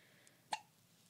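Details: Baby with hiccups in the morning: one abrupt, sharp hiccup burst in a quiet room.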